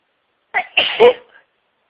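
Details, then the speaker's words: A quick catching in-breath, then one forceful, explosive sneeze, from a huge sneezing fit of over 60 sneezes with a wet nose, build-ups, stifles and tissue nose-blowing. "So sneezing today. My nose is all wet."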